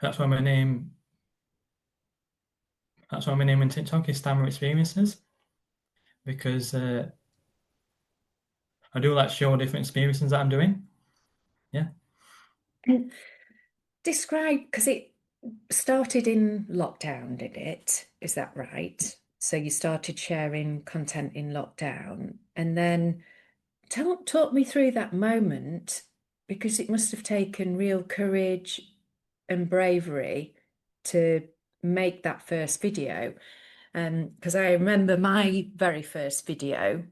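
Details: Adult man with a stammer, described as a neurological condition felt as blocks stopping words, occurring on any word, with silences while blocked; stuttering (stammering).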